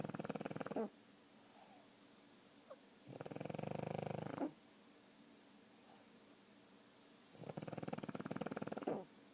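Loud, rattling, fluttery snores come in three long bursts, with quieter breathing between them. This is snoring in a flat-faced dog.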